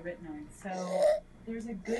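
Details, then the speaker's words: Stridor in a child with upper airway obstruction: noisy, harsh, high-pitched musical breaths with subcostal retractions. "Now, let's listen to what Strider sounds like. Notice here that the patient is experiencing strider with subcostal retractions."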